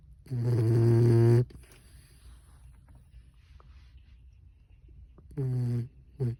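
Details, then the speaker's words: Two drawn-out, buzzing low snores separated by quiet breathing from a sleeping 12-week-old puppy after a hard day; ordinary puppy snoring. "Snoring puppy. Had a really hard day. He's 12 weeks old."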